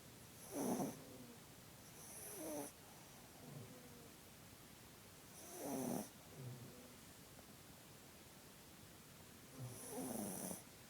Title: Snoring puppy:)